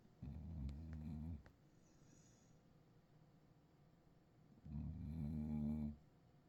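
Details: Deeply asleep Cattle Dog snoring, audio only.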